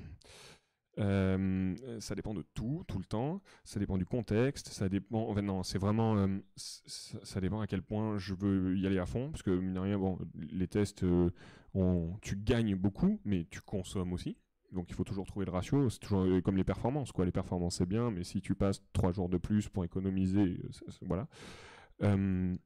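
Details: Adult male speaker; normal voice.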